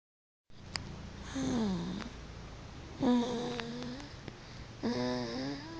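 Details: A sleeping child snoring after the mother set the pillow wrong: about three drawn-out, droning snores.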